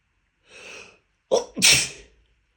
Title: Sneezing Fit - Pollenseason is starting #sneezing #allergies #pollen #pollenallergy #niesen